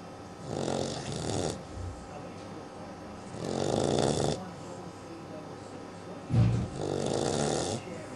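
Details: Daisy, a 12-week-old sleeping puppy: three rattling snores, about 20 a minute, with a soft snort between them; puppy snoring.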